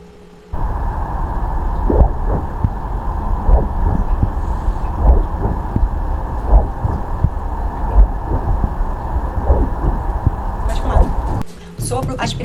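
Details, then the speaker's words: Simulated by hand with the stethoscope bell in the palm: heart sounds with a sharp snap just after S1 at the start of ventricular ejection, imitating a systolic ejection click, linked to aortic or pulmonary stenosis. "O segundo é o clix sistólico ejetivo que ocorre logo após B1 no início da ejeção ventricular."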